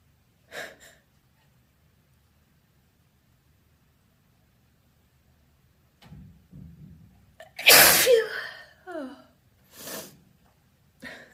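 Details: Several loud, voiced, wet open sneezes, each a sharp burst after a gasping intake, in a quiet room with a handkerchief at hand; ordinary sneezing.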